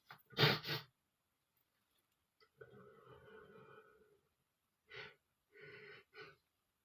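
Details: Adult male, a sharp explosive sneeze followed by breathy sniffing and short exhalations; a single sneeze, which he attributes to flowers irritating his nose.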